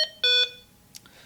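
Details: Hamilton T1 ventilator in a lab demonstration, alarms button pressed: short bright electronic beeps, a brief tone then a longer one.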